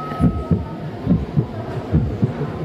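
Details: Science centre exhibit heart sounds: steady paired lub-dub at about 70 beats a minute, a normal adult heartbeat.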